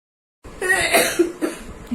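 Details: A young girl with a viral cough and cold gives a brief run of harsh, throaty cough bursts in a quiet room.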